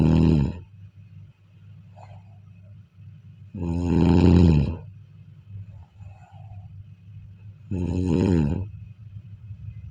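Loud rattling snores on each in-breath, about 15 a minute, with quieter breathing between them.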